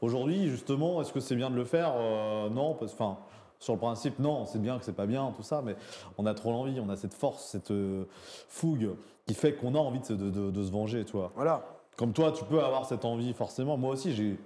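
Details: 24-year-old man with stuttering since childhood, severe as a child and now somewhat milder; real, non-acted conversational speech with part-word and word repetitions; finding: stuttering.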